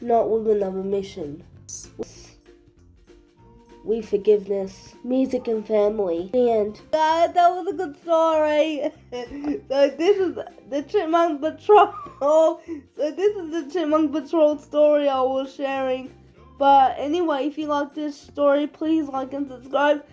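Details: Adult storyteller reading aloud, background music; speech in cerebral palsy.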